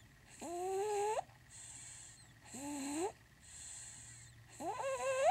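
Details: Loud snoring with alternating whistling, squeaky rising-pitch inhalations and hissy airy exhalations, about every two seconds, during a quiet moment of rest.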